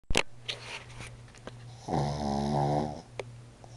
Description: my pug tiggy snoring while I'm trying to sleep. This is why he sleeps downstairs.